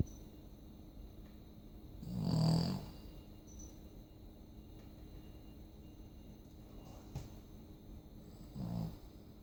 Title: Snoring dog /chrapiący pies